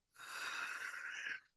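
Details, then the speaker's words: Adult describing a raspy voice, loud breathing and a small airway: a single loud, rushing breath with a harsh, slightly whistling quality, noisy breathing. "Well, the next day I woke up, and you can probably hear my voice is raspy and my breathing is loud, and I have a small airway and things."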